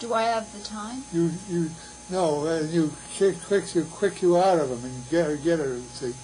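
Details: Patient with receptive (sensory) aphasia producing fluent jargon; Wernicke's aphasia.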